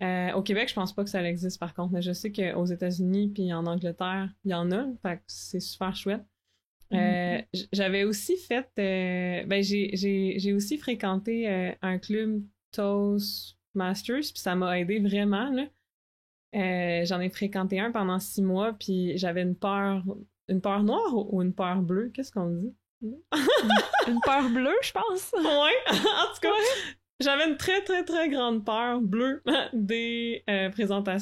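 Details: Real stuttering in an adult woman who stutters and is a master's candidate in speech-language pathology.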